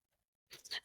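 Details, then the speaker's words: A teeny dog's brief, harsh, noisy burst of one or two coughs after a near-silent start, sounding deep like a grown man coughing in the background. "It's her dog. It's it's Britney's dog coughing and I think it's funny. It sounds like a grown 400 pound man in the background coughing."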